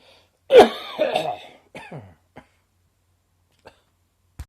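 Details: Sudden dry summer cough in an adult becoming slightly wetter toward the end: a loud cough with a rattling, slightly wet tail, then a smaller cough and a few faint clicks.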